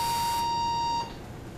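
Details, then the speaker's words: Valleylab Force II electrosurgical unit (ESU) in coagulation mode, activated by foot switch, with visible arcing of the tool: a steady electronic beep for about one second, then it stops; the ESU coagulation tone. "so now i'm going to select the foot switch for coag and you can see a little bit more of the arcing of the tool as it's coagulating"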